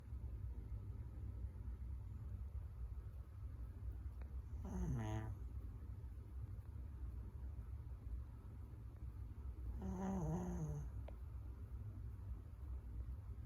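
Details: Two drawn-out, tonal snoring breaths about five seconds apart from a sleeping pet over steady low room hum.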